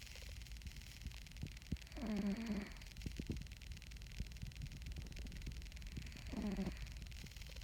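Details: Snoring from a sleeping cat.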